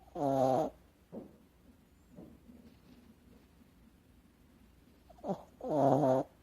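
A sleeping cat gives two loud, buzzing snores a few seconds apart, with quiet breathing between them.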